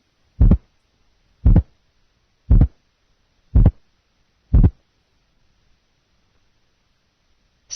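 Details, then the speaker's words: Split first heart sound, split of 0.08 seconds, first in a series of progressively narrower S1 splits; nursing heart-sound assessment teaching recording. "listen now to a sound which is split at various distances a split of 0.08 seconds"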